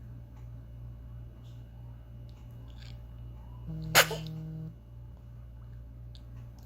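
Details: Single quick, sharp sneeze from a newborn baby against low room hum; an ordinary infant sneeze.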